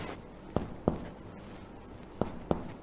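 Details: Resonant percussion note over the posterior chest wall during a respiratory physical examination skills-lab demonstration of the posterior lungs.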